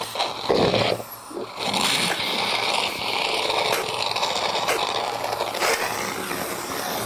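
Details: Tracheostomized patient being weaned from ventilator, cuff deflated, coughing on request: wet, rattling productive coughs with thin secretions amid suction hiss, secretions still gurgling lower in the airway.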